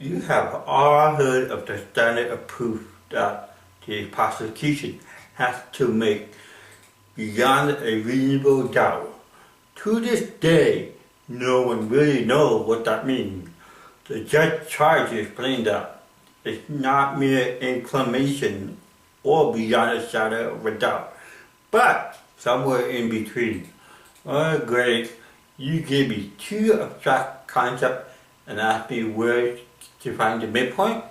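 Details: Male comedian with cerebral palsy; dysarthria (cerebral palsy).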